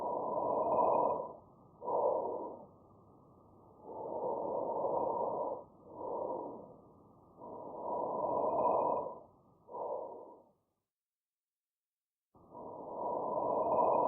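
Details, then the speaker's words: Normal vesicular breath sounds, heard over most of the lung field: soft, low blowing sounds at about 17 breaths a minute, with a longer inspiration and a brief, fainter expiration. "Vesicular breath sounds are heard throughout most of the lung field. They are a soft, blowing sound. Let's listen to vesicular breath sounds."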